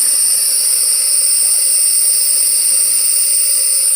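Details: Adult on day 13 after the first round of EPOCH chemotherapy with hair loss, in the ER for difficulty breathing and wheezing: steady high-pitched hiss of an albuterol nebulizer treatment, with no clear breath sounds.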